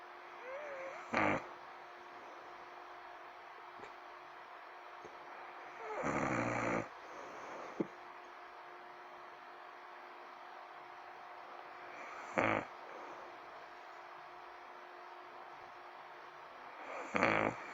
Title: Help me thru this snoring...